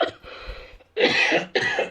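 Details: Two harsh, forceful coughs in quick succession after a faint breathy sound, performed by an adult in a comedy podcast "Canadian cough" skit that mentions smoke making it hard to breathe.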